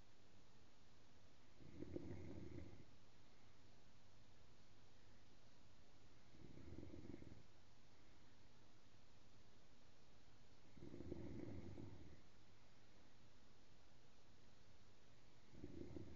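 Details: Female sleeping in her gown: low rattling snores on each breath in, about four in 16 seconds, roughly 15 breaths a minute; ordinary snoring.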